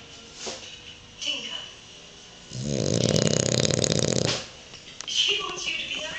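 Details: French bulldog snoring while asleep: a low, rattling, fluttering snore lasting about two seconds, with quieter breaths before and after.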